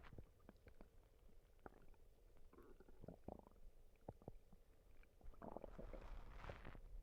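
Low gurgling and rumbling with scattered squelches from the belly; ordinary stomach rumbling from gas and fluid moving through the gut.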